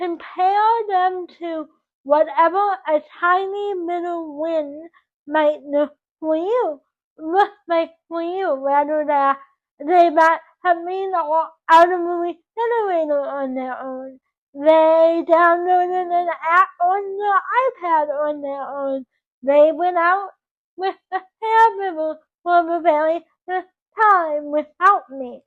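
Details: 24-year-old woman with dysarthric speech from cerebral palsy caused by oxygen loss to the brain at birth; doctors predicted she would never talk.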